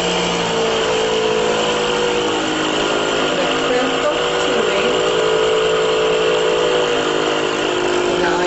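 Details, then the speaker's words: Drive DeVilbiss Vacu-Aide portable suction unit, used for tracheal or oral suction, switched on and running: steady motor hum with slight pitch change as the pressure knob is adjusted. "So I'm going to turn the suction machine on, and then I'm going to show you how to adjust the pressure."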